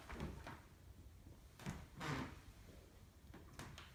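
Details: Normal resonant chest percussion on a female patient during a nursing chest and lung assessment: several soft, hollow taps at irregular intervals in a quiet room, not dull.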